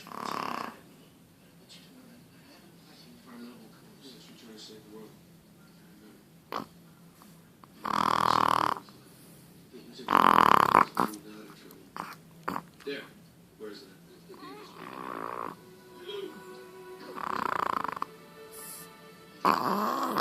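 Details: Chihuahua snoring and grunting, even when awake: several short, snorting snores spaced a few seconds apart, with quieter breaths between; snoring.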